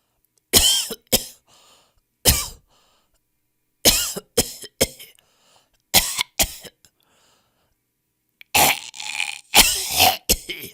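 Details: A series of sharp, dry cough bursts in short clusters from a compilation of different people's cough styles, ending in a harsher run of coughing.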